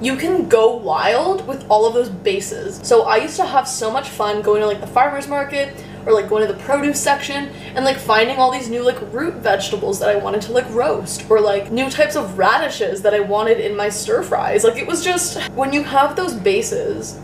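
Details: Adult woman; normal speech.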